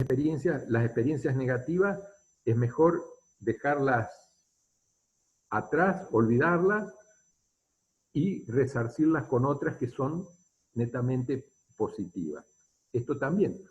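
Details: Adult male speaker; plain speech.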